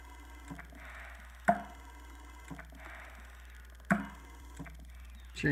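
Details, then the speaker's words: Prototype mechanical ventilator running on experimental code, cycling about 25 times a minute with sharp valve clicks and soft airflow hiss between them. "y integrated with BMP 280 it ventilates I have coded to measure pressures and flows but none of it is perfected yet"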